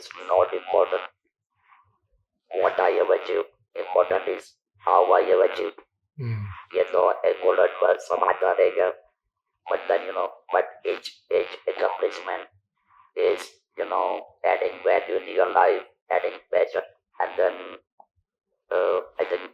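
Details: Man who lost his natural voice to stage 4 throat (vocal) cancer and has survived about 10,000 days since diagnosis; electrolarynx speech.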